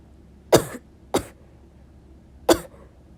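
Three short, separate coughs in a quiet room.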